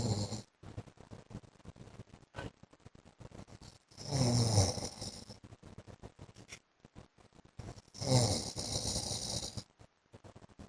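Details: A wife records her husband snoring in his sleep: two rough, low snores about four seconds apart over a crackling, noisy background.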